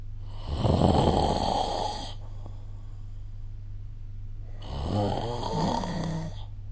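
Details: Snoring during sleep recorded with the SnoreLab app: two loud, rattling snores on inspiration with quieter expiration between them.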